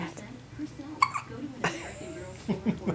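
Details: A sharp, abrupt gulping catch of breath from an infant girl who also sneezes during the recording, with soft background talk and baby sounds; infant hiccup.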